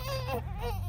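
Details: 3-week-old baby boy crying at home: high, wavering newborn cry over steady low background rumble; ordinary crying of a young baby.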